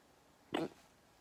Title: I have hiccups